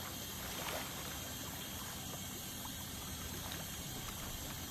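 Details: Ultrasonic dental scaling to remove tartar at a dental clinic: steady hissing, trickling water spray with a high whine and suction noise.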